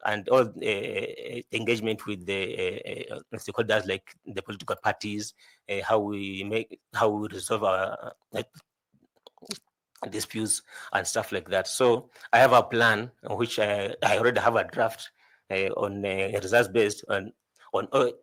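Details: 41-year-old adult male job candidate who says he stammers a lot; repeated words heard while he answers an interview question; stuttering.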